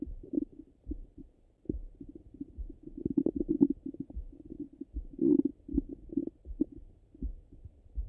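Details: Stomach sounds, hungry and full, through a stethoscope: frequent low gurgles, bubbling clicks and soft rumbles; ordinary active bowel sounds.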